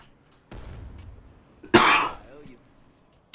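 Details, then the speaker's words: Adult man with a cold ("man flu") during a live stream; one sharp, loud cough preceded by a low rumbling noise: isolated cough. "fair you can hear the cough I'm going through a bit of man flu at the minutes and do apologize if it's ER every now and again"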